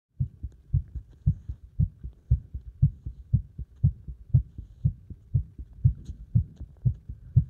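Strong, rapid, regular heartbeats at about 118 a minute; a fast heart rate after hard exercise.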